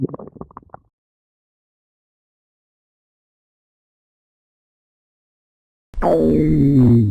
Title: Random Stomach Growling 😋 😜